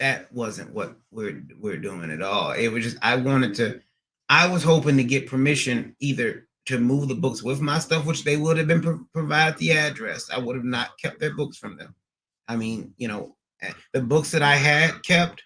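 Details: Woman who stutters and is in speech therapy and speech rehabilitation; stuttering.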